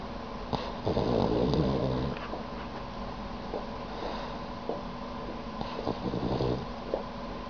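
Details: Dog snoring in sleep with tongue out: low, fluttering rumble on each breath with soft snorts over steady room hum. Snoring.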